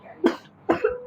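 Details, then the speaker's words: A child, asked about a cough to skip tuition, gives two short, forced cough bursts, deliberately faked rather than a true illness cough; feigned cough. "അപ്പൊ കള്ള ചുമയാണോ അന്നേരം? അല്ല സത്യം ചുമ സത്യം ചുമയാണോ?"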